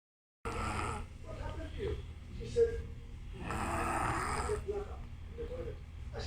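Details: Sleeping adult, loud snoring: rough, rumbling snores on the in-breaths with a low fluttering rattle.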